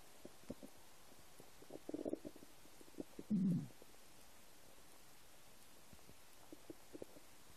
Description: English: New noises of my empty stomach.